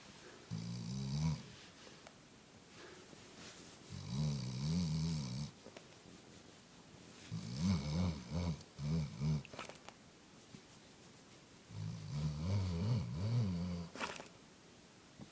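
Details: Loud, rumbling snores from a sleeping dog, four breaths in about fifteen seconds, some with a fluttering, snorting quality: snoring.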